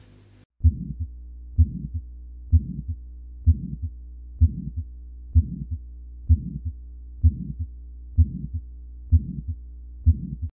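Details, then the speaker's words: Teaching recording of a mid-systolic (ejection) murmur: regular heartbeat near 64 a minute with a diamond-shaped murmur between the first and second heart sounds. "Now, if we talk about the other classification of systolic murmurs, next comes are the mid-systolic murmurs. And this is how it is heard."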